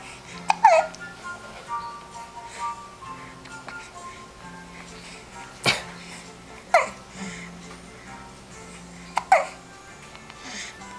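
Brief sharp catching sounds recurring every few seconds under background music: hiccups in a young child.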